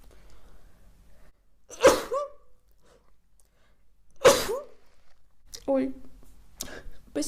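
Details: Person sneezing; two sharp, explosive sneezes a couple of seconds apart, followed by brief vocal sounds in a quiet room.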